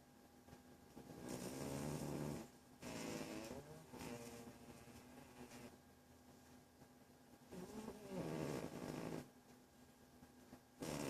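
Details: Cat in deep sleep: rhythmic, rattling snores, each lasting over a second with pauses between, about six breaths a minute.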